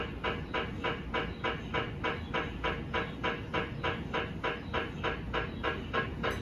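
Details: GE 1.5 Tesla MRI scanner during daily QA scan, RF pulse at 63.8 MHz, TE 25, TR 300: steady rhythmic knocking about three pulses a second over a constant hum and chirping helium recondenser.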